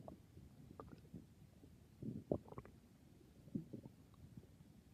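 Soft gurgling and squelching rumbles from the belly with a few louder bubbling bursts; ordinary bowel sounds of digestion.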